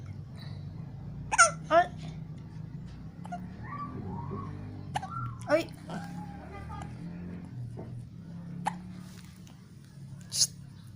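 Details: Hiccups: several sharp, abrupt catches of breath at irregular intervals amid quiet background noise and faint talk.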